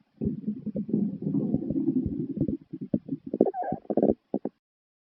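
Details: Ordinary stomach growling: a long low gurgling rumble broken into bubbling pulses, ending in a few short squeaky gurgles.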